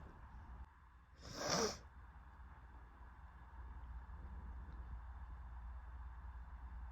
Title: More sneezing and noseblowing (Female)